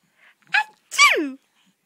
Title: Sneezing funny too?!